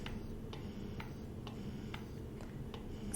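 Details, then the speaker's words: Momcozy M5 electric breast pump running in faster let-down mode: soft regular clicks about twice a second over a low motor hum, cycling through its levels during a review demonstration. "so I'm going to play the different modes for you so you can hear this is in let down the faster it's a heart"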